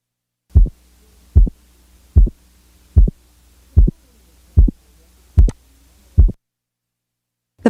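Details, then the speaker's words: Simulated heart sounds at about 75 beats a minute; each second sound clearly split into two close taps. "example represents a normal individual with normal respiratory variation or physiological splitting of the second sound"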